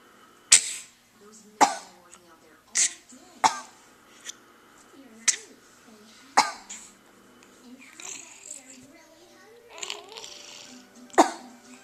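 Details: Voluntary fake coughing by a young boy and his mother: short, deliberate dry coughs traded back and forth in a small room.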